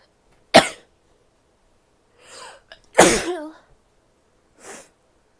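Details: A female gives two sharp explosive sneezes, each followed by a softer breathy sound, with a brief nose blow at the end; sneezing.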